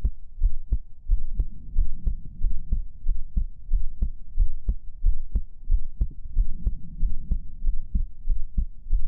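Steady low thumping heartbeat at about 90 beats a minute over a soft hum; regular rhythm.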